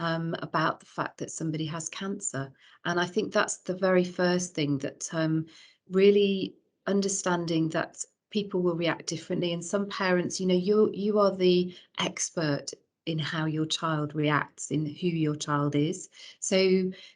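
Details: Adult woman speaking; normal voice.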